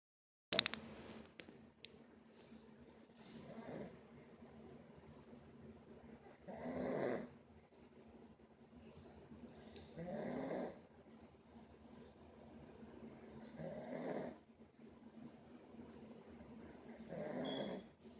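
Four rough, rattling inhaled snores about every 3.5 seconds, roughly 17 breaths a minute, with quiet pauses between; ordinary snoring.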